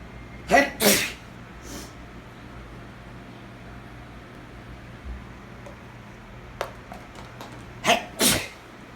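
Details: Two pairs of forceful explosive sneezes a few seconds apart with a soft sniff between: a sneezing fit after a shower.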